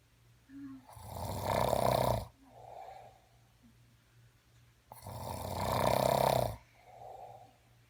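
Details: Loud snoring from a sleeping man who claims he doesn't snore: two loud, rough inhaled snores about four seconds apart, each followed by a softer breath out, with a steady low room hum.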